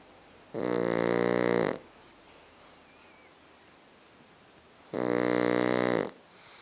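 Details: Pug snoring while asleep with eyes open: two long, loud, buzzing snores about four seconds apart with quiet between.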